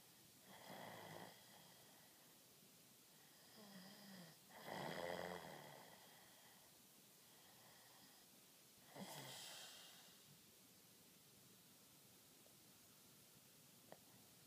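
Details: Three slow, rough snores on the in-breath, spaced several seconds apart in a quiet room. Ordinary snoring.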